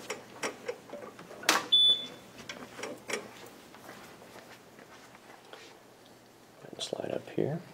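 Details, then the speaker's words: Maquet Servo-i ventilator switched on at the rear power switch: switch clicks and a short electronic beep, then quiet room noise and faint voices as it boots up, before the pre-use check. "That's our power switch. We flip that on, and our machine will start to boot up."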